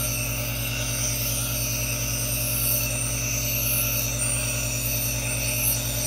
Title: ASMR white noise aerosol nebulizer for relaxation | NO TALKING